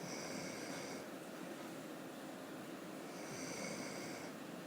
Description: at it again "not" snoring.